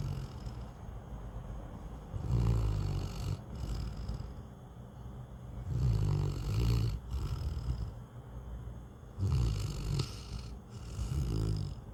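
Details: Snoring in a sleeping Newfoundland dog: deep, rattling snores in a steady rhythm, about every three to four seconds.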